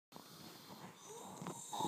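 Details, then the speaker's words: A brief stretch of rough, rattling snoring that rises into a louder snort at the end; loud snoring. "young people can you hear this [ __ ] noise oh my god it's tearing up the place you know the snoring"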